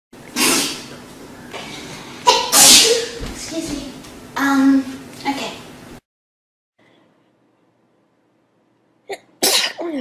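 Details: Compilation of different people sneezing, some apologising and saying they are about to sneeze: a run of loud sneezes, some with a sharp 'achoo' and a voiced tail, then silence and one more sneeze.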